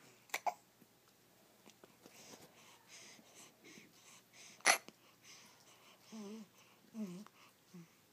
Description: My baby boy has the hiccups and they sound cute.